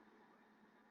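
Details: Imitated tubular (bronchial) breathing: a single short, harsh, hollow, somewhat tonal blowing exhalation.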